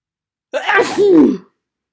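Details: Single sharp, explosive sneeze with a voiced finish during a bad cold with congestion and sniffling; sneeze.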